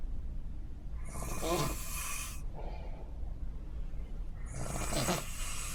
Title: Snore cruise 2